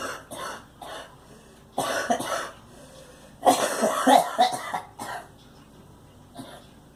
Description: Girl coughing